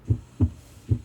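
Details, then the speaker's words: Normal heart sounds played by a cardiac surgeon as heard on auscultation: deep, regular, loud lub-dub thumps, roughly 75 beats a minute, no murmur. "If you auscultate well you can hear this sound from the heart This heart-pounding sound In English, it's lub-dub The heartbeat sound is very loud"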